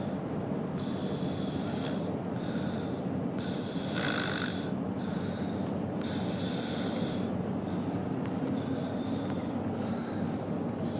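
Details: Snoring from a man in a car during a drive from the airport: repeated rough, rasping breaths over steady engine and road rumble.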